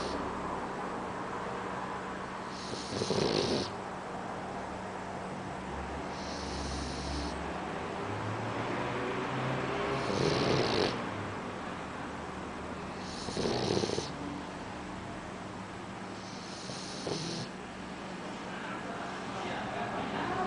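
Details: Repeated snorting, fluttery snores every three to four seconds, about 17 breaths a minute, over steady background hum, from a sleeping Boxer puppy; snoring.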